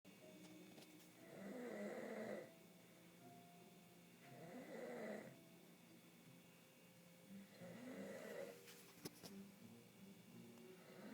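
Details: Man snoring loudly: loud rumbling snores with each breath in, about three in ten seconds, against faint television sound.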